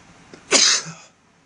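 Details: Sneezes deliberately induced with floss (round 2, morning clips edited together), male: a faint inward breath then one sharp, hissing sneeze burst fading within about half a second.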